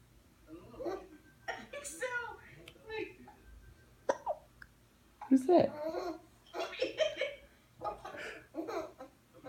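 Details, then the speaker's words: Baby girl laughing at her hiccups: brief giggles and a few sharp, abrupt vocal catches; hiccups. "you have hiccups? Oh, you got hiccups, girl. Do you have hiccups?"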